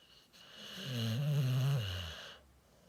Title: Thought it was my wife snoring